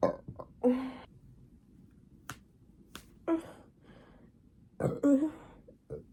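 Three or four short, voiced throaty belches in a quiet room, separated by brief clicks and breaths; ordinary burping.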